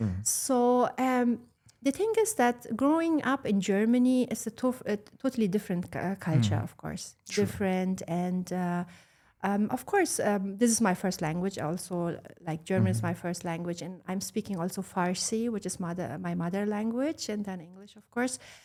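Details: Adult woman speaking; normal speech.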